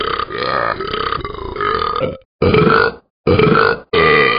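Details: Animated character Talking Ben drinking champagne, then long, loud, throaty belches: one drawn-out burp followed by several shorter ones.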